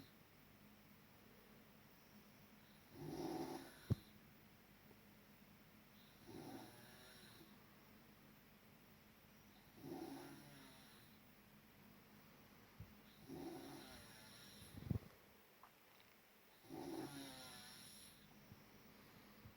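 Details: Dog snoring in sleep: rhythmic raspy snores about every 3.5 seconds, roughly 17 breaths a minute, in a quiet room; snoring.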